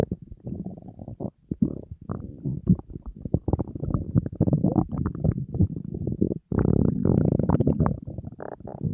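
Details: Very hungry person on a diet, with food in front of them: continuous low gurgling and bubbling stomach rumbles with brief pauses; borborygmi from an empty stomach.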